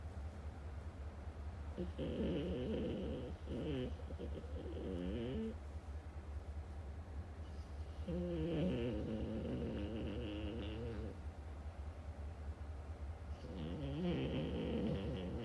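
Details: French Bulldog whose owner describes sleep apnea: rumbling, fluttering snores on long breaths about every six seconds, about 10 breaths a minute, over a steady low background hum: snoring.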